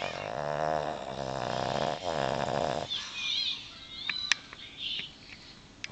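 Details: Boston Terrier (Ellie) snoring while sound asleep with her eyes open.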